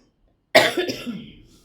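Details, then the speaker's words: Single harsh, dry cough burst fading quickly; allergic cough attributed to fabric dust, recurring after having settled. "ഈ തുണിയുടെയൊക്കെ പൊടി കാരണം അലർജിയുടെ ചുമയാണ് കേട്ടോ."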